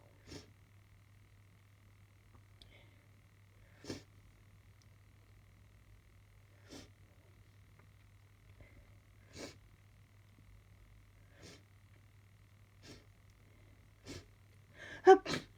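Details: Person sniffly and sneezy all day, suspected hay fever or allergies: soft, short breathy "hup" catches every few seconds with sniffles between, then a louder sneeze at the end.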